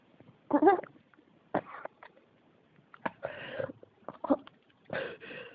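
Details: A persistent cough that won't stop.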